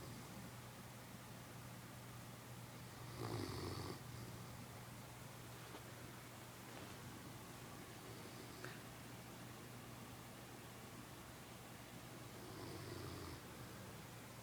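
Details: Newfoundland dog snoring: two soft rumbling snores about ten seconds apart over a steady low hum; quiet snoring of a large dog.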